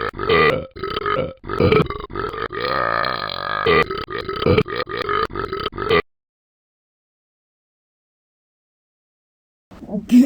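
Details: A person burping a lot: a run of loud, drawn-out belches, one long and rumbling, then silence, showing repeated burping.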